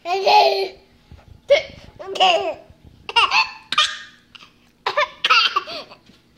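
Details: Sudden voiced catches, about six in six seconds, each followed by laughter; hiccups in a laughing baby.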